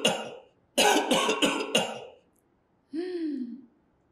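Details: One cough, then a quick run of four harsh coughs and a short voiced throat sound at the end, played as an example body sound for young children: a cough.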